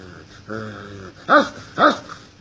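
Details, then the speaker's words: A boy gives a drawn-out growling cry, then two sharp bark-like yelps, mimicking a dog; suspected rabies after a dog bite about two weeks earlier despite reportedly receiving all rabies vaccines, behaviour beginning today. "he was bitten by a dog huh plus or minus two weeks ago I supposedly got all his rabies vaccines but the patient started behaving this way today Adama behavior barking like a dog"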